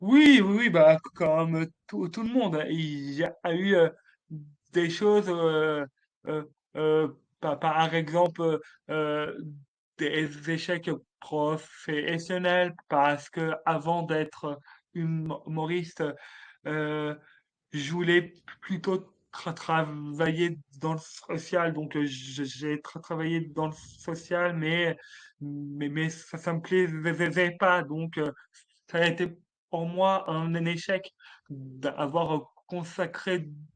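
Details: Adult man, a French-speaking comedian, who has stuttered since childhood, detected at age 4, and who calls it a speech disorder; stuttering.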